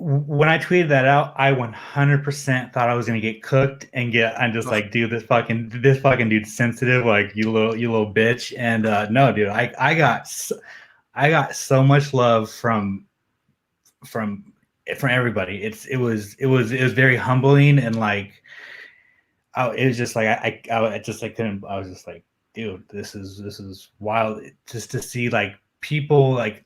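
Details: Adult male MMA journalist with a self-reported stutter that he says becomes audible when he gets nervous; stuttering.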